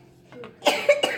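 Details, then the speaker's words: A five-year-old girl, sick and home from school for several days, gives three quick, harsh cough bursts in a small quiet room; she had just vomited from coughing. "yeah she just threw up from coughing"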